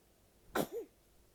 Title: Sneezing